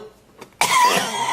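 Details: Single abrupt, harsh cough burst with rough airflow from an adult man after a brief quiet pause.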